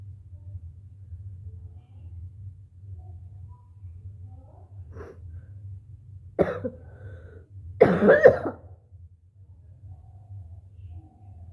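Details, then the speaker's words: In the morning, throat clearing, then a loud, rattly hacking cough over a low room hum, bringing up thick phlegm into a bowl; productive (wet) cough. "पता नहीं, ऐसा लग रहा है कि कफ है। अब देखते हैं, ट्राई करते हैं। मोटा वाला बहुत कफ है। पूरा मोटा कफ निकल रहा है गाइस।"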